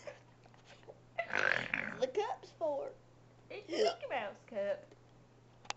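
Several loud, drawn-out throaty burps with voiced, vowel-like sounds in a quiet room; ordinary belching.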